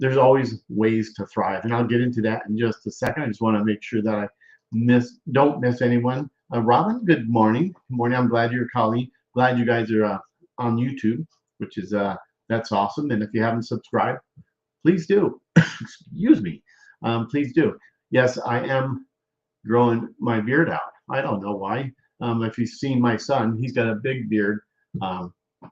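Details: Aphasia with word-finding difficulty in a male stroke survivor.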